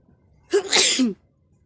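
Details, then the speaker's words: A single sharp sneeze with a quick inhaled lead-in, deliberately induced by irritating the nose, with eyes and nose streaming. "চোখের জল নাকের জলে একবারে একাকার।"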